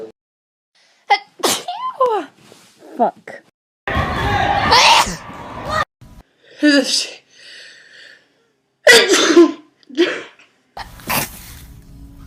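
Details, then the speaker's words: Sneezing compilation clip: a person who says they have been sick all week and can't stop sneezing gives several sudden, forceful sneezes, each with a sharp intake and explosive burst, separated by pauses and brief vocal sounds. "I have literally been sick all week. I just can't stop sneezing."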